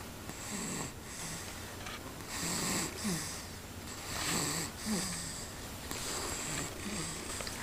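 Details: Someone napping while recovering from a cold makes soft, uneven breathing noises with low snorty bursts on some breaths, in a quiet room. Light snoring.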